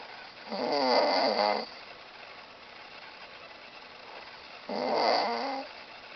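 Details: Adult man sleeping in a hotel after a concert: two loud, rattling in-breath snores about four seconds apart with quiet between; heavy snoring.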